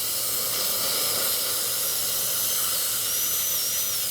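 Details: Continuous high-pitched hissing whine of a dental high-speed handpiece with water spray, during final preparation of four upper-right teeth at once for crowns.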